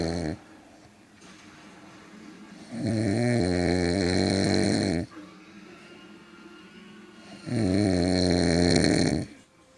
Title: I Don't Snore